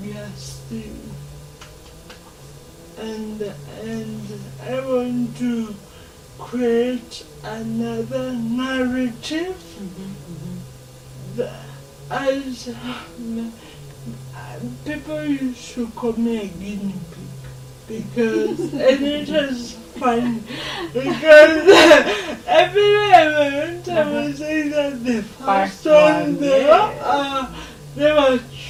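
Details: Adult woman with lifelong cerebral palsy affecting her speech; dysarthria (cerebral palsy).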